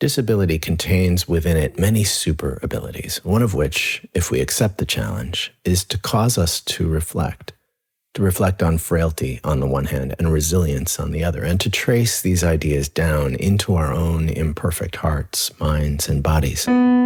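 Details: Adult male speaker; normal speech.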